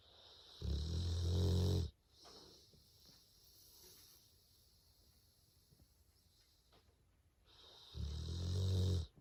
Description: While my pet bulldog sleeps, he snores loudly. Snoring loudly has never been so cute!